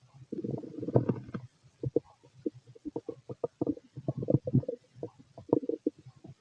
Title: Fit male stomach noise